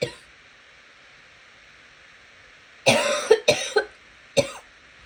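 A run of three harsh coughs followed by a fourth after a pause, with steady background hiss; repeated coughing.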